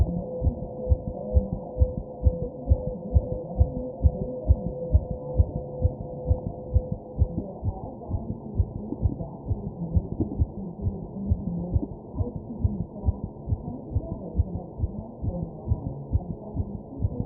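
Rapid, regular heart thumps at about 130 beats a minute, with a faint background hum.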